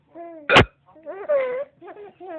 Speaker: hey you laugh at mommy because mommy got hiccups huh